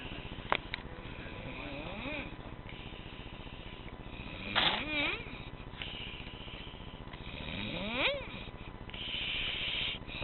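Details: During nap time, rising squeaky whistling sounds on the breaths over steady room hiss; high-pitched snoring.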